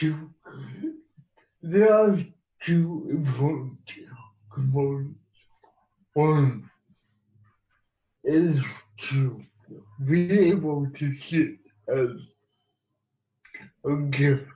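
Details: Adult man who has lived with cerebral palsy and used a wheelchair most of his life, speaking in an interview; no specific speech disorder named; speech in cerebral palsy (probable dysarthria).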